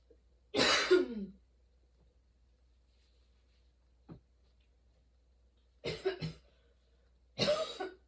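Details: During a sudden-onset, long, worsening coughing fit bringing tears and repeated position changes: three harsh coughs, widely spaced with quiet gaps and a faint breath between; cough.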